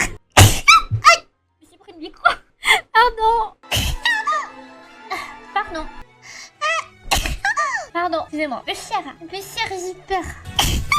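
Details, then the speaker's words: Several short explosive sneeze bursts mixed with French talking, apologies and background music; sneezing compilation. "éternué oui j'ai éternué vous avez entendu pardon excuse-moi pardon merci merci pardon"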